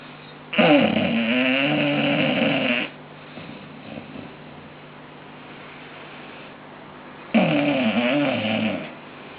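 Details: Bulldog snoring: two long, loud, rattling breath noises several seconds apart, with a quiet pause between them.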